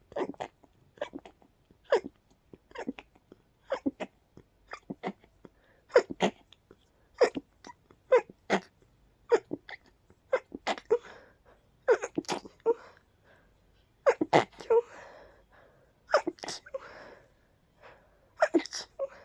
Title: Desperate Pollen induced sneezes 🤧